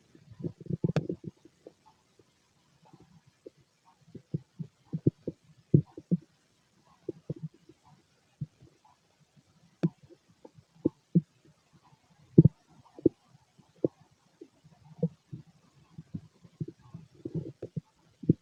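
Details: Male abdomen during ordinary digestion: irregular gurgles and low rumbling bursts of stomach growling; bowel sounds (borborygmi).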